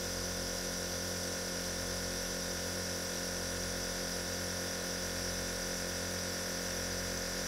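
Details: Compressor nebulizer running, a steady mechanical hum and buzzing hiss; an ASMR music track titled "Midnight nebulizer."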